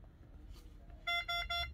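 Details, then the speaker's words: Three short high electronic beeps while the alarm volume (1 minimum, 5 maximum) is adjusted on an oxygen-driven Oxymag neonatal-to-adult transport ventilator; ventilator alarm. "you can adjust the alarm volume the five is maximum one is minimum"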